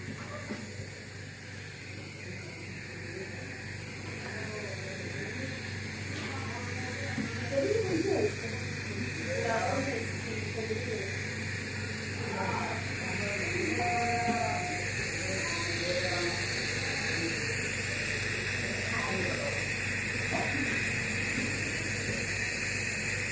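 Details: Steady buzzing hiss of a running nebulizer compressor given to a child for cough, told to breathe in through the nose, with soft adult voices in background.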